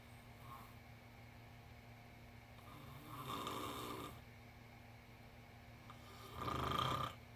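Two soft, rough breathing noises over a steady hum of room noise, consistent with a cat's quiet snoring.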